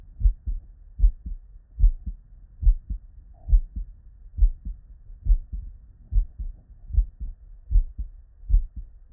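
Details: Real, unedited human heart sound recorded at the bedside: steady lub-dub heartbeat at about 72 beats a minute with crisp first and second sounds and nothing extra between them; normal heart sounds (S1 and S2).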